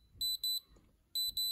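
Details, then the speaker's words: Two pairs of short, high-pitched beeps: alarm of an Innovo IP900AP fingertip pulse oximeter during a reading showing normal oxygen above 95% and an acceptable pulse rate. "if you're annoyed by this alarm you can obviously turn this off but this is what my read reading says"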